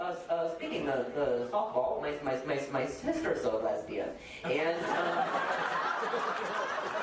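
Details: Adult man speaking on stage, audience laughter; ordinary speech.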